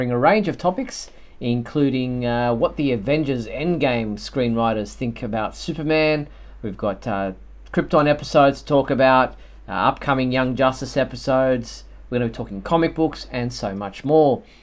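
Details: Adult male speaker; normal voice.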